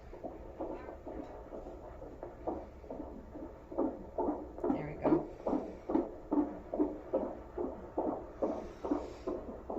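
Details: Rapid, regular whooshing fetal heartbeat on Doppler, about 140 beats a minute, with a steady low hum, during a fifth pregnancy at a prenatal visit.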